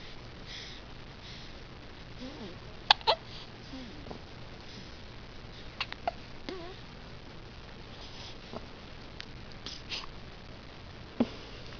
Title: has hiccups